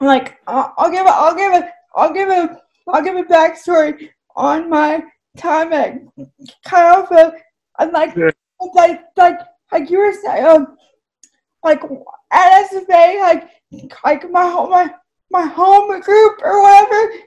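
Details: Dysarthria in a woman with cerebral palsy, who says her speech is clearly affected by it.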